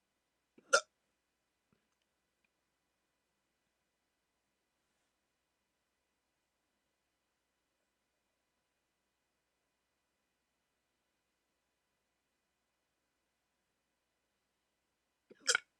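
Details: Two brief sharp hic sounds about 15 seconds apart in a quiet room during a rare 14-minute hiccup attack after waking from sleep with a CPAP mask used for sleep apnea; hiccups.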